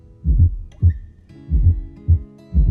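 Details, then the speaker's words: S4 atrial gallop: slow heartbeat about 50/min with a soft extra thump just before each S1, giving a diastolic atrial gallop rhythm; faint music behind. "se trata de un sonido que se presenta justo antes del s 1 y genera una cadencia conocida como ritmo de galope diastólico auricular"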